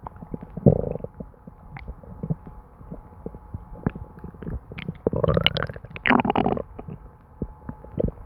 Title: My stomach gurgling and bubbling [Constant stomach noises]